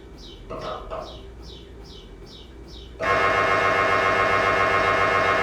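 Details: Fast, regular chirping pulses, then a loud continuous buzzing drone: the normal working noise of an MRI scanner's gradient coils during imaging.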